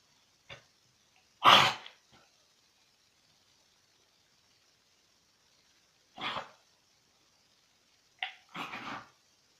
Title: Dog cough